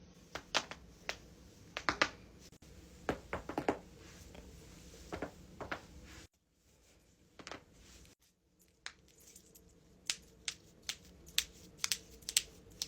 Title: cracking joints compilation